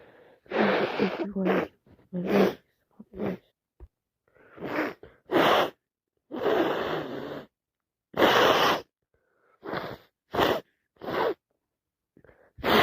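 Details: Sick person with a cold: a run of about a dozen loud, sharp sneeze-like bursts with quick breaths between, repeated sneezing near a friend.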